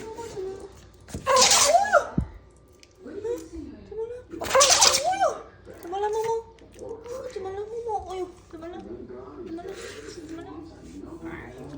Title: Felt Sorry but Your Sneezing is Super Cute & Funny #shorts #funnydogs #shihtzu #funny #sneeze